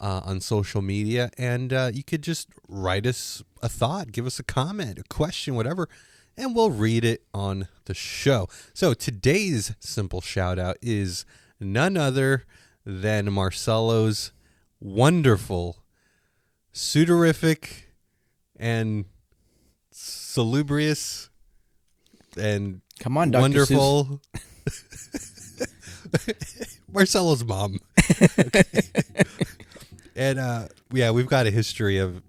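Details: Adult male podcast co-host with his own stutter, which he says comes out more in awkward situations and sometimes even when he feels confident; stuttering.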